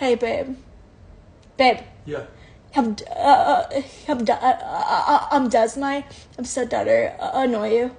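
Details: Stuttering in a woman who reports having a stutter.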